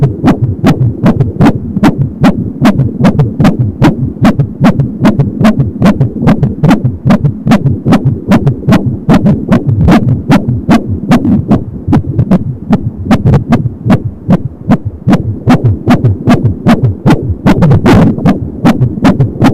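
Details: Fetal heartbeat at 22 weeks of pregnancy on an Angel Sound fetal Doppler, rapid and regular at about 170 beats a minute, with a rhythmic whooshing umbilical cord sound; fetal heart sounds on Doppler.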